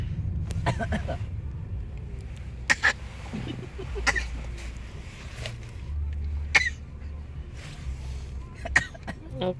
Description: mimics daddy in the car. They take turns coughing